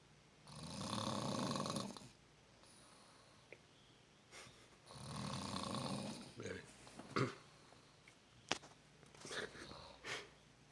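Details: Two long, noisy rumbling breaths, then softer snorts and sniffs: snoring.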